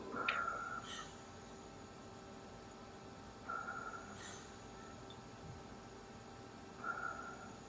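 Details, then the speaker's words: Ventilator cycling on an artificial test lung during COVID ventilator setup: soft rhythmic hiss and clicks with a steady machine tone as an inspiratory hold at peak inspiration measures plateau pressure, reading 37, above the target of 30. "you want to push and hold that button right at the peak of inspiration so at the top and end of that red and you hold it and you'll see you'll have a little plateau and it'll give me that number for that plateau pressure and wait for it to cycle for this first"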